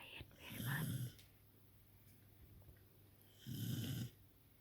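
Two loud, low snoring breaths about three seconds apart with quiet between them; a dog snoring in sleep.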